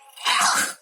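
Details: A single harsh cough burst from an adult woman with a continuous, persistent cough and low back pain, said to be improving; cough.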